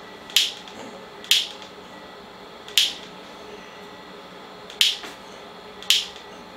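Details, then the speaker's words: Focused shockwave therapy under ultrasound guidance, beam passing through a tendon calcification, the fourth of up to five impulses, with Doppler activating on the calcification: five sharp snapping clicks at irregular intervals over a quiet room hum. "Voilà, on peut mettre jusqu'à 5 coups. Là on est au quatrième."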